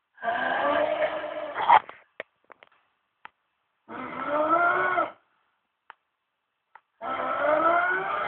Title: Worst Snoring Ever (no kidding)